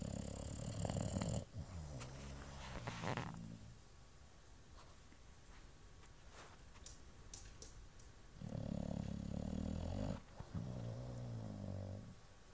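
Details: Low, rattling snores from a sleeping dog, two long breaths with a quiet gap between, some room noise; ordinary sleep snoring.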